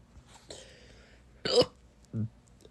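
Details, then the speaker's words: Young person's fourth bout of hiccups that day, crying about it; doctor said it would be fine after puberty. Two abrupt, brief voiced catches a little over half a second apart, with faint breathing between: hiccups. "you know this is the fourth time I've had hiccups today and I'm crying about it"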